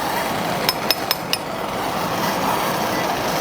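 Four sharp metallic taps over steady background hiss: a chisel being hammered during spine surgery.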